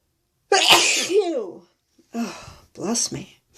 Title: Holy build up sneezes!